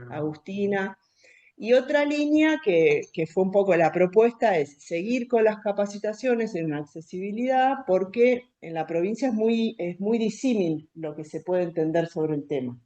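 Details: Adult woman speaking Spanish; normal voice.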